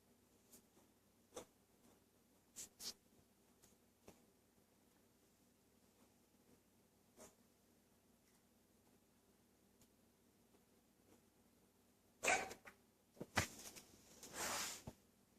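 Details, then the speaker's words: A pet coughs: a short cluster of about three harsh, noisy cough-like bursts in a quiet room with faint clicks. "Logan, are you okay? Is he done coughing?"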